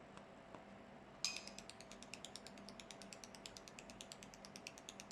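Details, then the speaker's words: Danye fractional CO2 laser machine firing in repeat-pulse mode at its lowest 5 W setting: rapid, regular sharp ticking clicks over a steady machine hum; fractional CO2 laser firing. "next i will introduce the repeat pose in different ones so you can see the different power first is the 5th ward only to start the highest power from the beginning of treatment"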